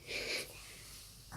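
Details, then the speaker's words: A little girl pretends to sleep and fakes a snore: one brief, hissy, snort-like breath through the nose and throat, then quiet. "Elle fait semblant de dormir, de ronfler."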